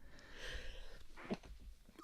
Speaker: that was a sneeze I hold in my sneezes so it sounds like my whole brain is gonna explode